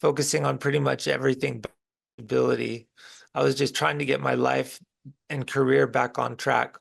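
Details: Woman with a disability whose respiratory muscles are weak, with a weak cough as well; finding: weak voice from respiratory muscle weakness.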